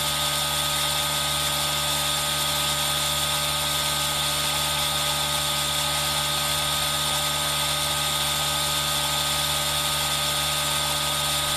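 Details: Aerosol nebulizer running, recorded with a Zoom H1n for ASMR relaxation: steady mechanical hiss and motor hum blended with continuous rain sound.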